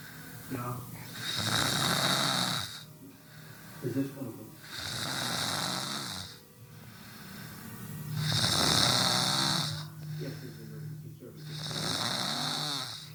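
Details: A brother snoring: loud, harsh, rattling snores on each breath, about four cycles in thirteen seconds, with a steady room hum; ordinary heavy snoring.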